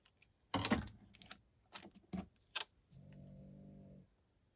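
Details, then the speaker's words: Clicking and rustling, then one low buzzing, rattly snore lasting about a second from a puppy sound asleep on the bed. "Do you guys hear my puppy snoring? Oh my gosh. She just started that."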